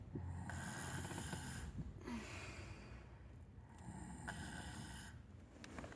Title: My snoring sis part 2